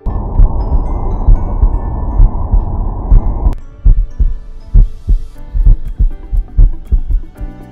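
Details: Wireless noise-cancelling stethoscope: regular low heart thumps, about 66 a minute, with music playing behind.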